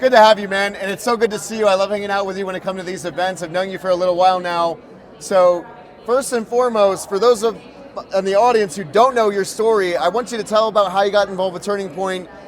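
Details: Adult male speaker; normal speech.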